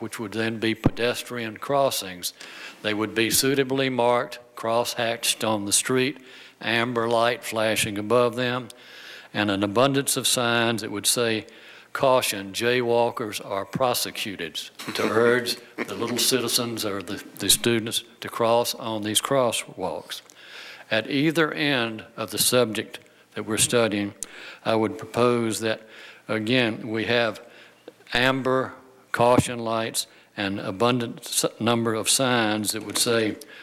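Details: Adult woman who states she has a vocal tremor, speaking at a public hearing; vocal tremor.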